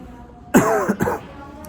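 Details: Two harsh coughs with faint music behind in a Korean adult with a cough of about 5–6 days, tested at a COVID-19 screening clinic; diagnosed as a cold with severe seasonal rhinitis.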